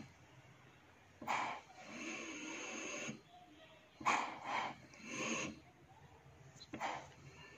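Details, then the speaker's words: Soft rhythmic ventilator airflow hiss with faint device clicks from an MTV-1000 ICU/portable ventilator in volume assist-control ventilation, delivering an assisted breath as soon as the patient triggers; demonstration recording. "अभी ventilation हो रहा है। जैसे ही ये trigger करेगा patient, जैसे red हो गया, ट्रिगर करते ही उसको असिस्ट कर देगा वॉल्यूम असिस्ट कंट्रोल वेंटिलेशन।"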